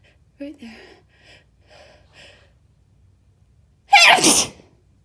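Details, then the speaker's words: Adult self-induced sneezing fit (with chinkini, too much used): a few quiet breathy sounds lead into one loud, explosive, spraying sneeze; intense, messy fit leaving the sneezer lightheaded; ordinary sneeze. "This might be the most intense fit I've ever had. I'm just... Stop. I can't get him to stop."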